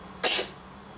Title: Кошка кашляет